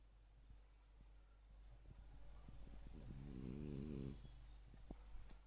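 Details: A single loud, buzzing, vibrating snore of about one second during heavy sleep, over steady room hum with faint clicks around it: snoring.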